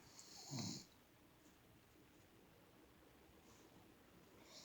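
One loud, rough snore, low and rattling with a hissing breath, then quiet room noise; ordinary snoring.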